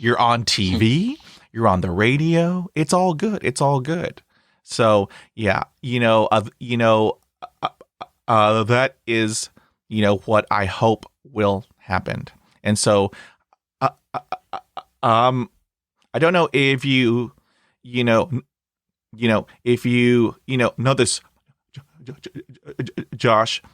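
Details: Stuttering in an adult man, starting around age 3 when he developed Lyme disease from a tick bite, which he still has. It was full-blown by middle school and is now somewhat controlled, with bad days or weeks; briefly closing his eyes eases blocks and repetitions.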